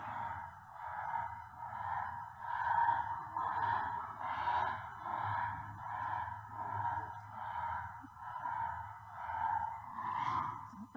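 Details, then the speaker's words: Awake stertor (snoring noise while awake) in a brachycephalic dog: quick breathing with a rhythmic, rattling snore-like noise on each breath, typically arising from the soft palate or nasopharynx. "so that's an awake snorer okay and that's typically palette or nasopharynx okay so nasal nasopharynx palette will create that kind of noise"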